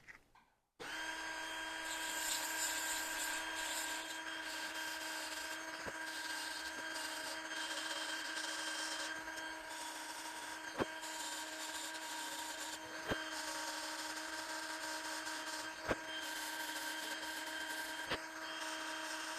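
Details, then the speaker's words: Steady high-pitched drill whine with occasional clicks as a diamond bur in a dental handpiece reduces a tooth on a mannequin, crown preparation. "bom acho que eu já fiz o desgaste necessário"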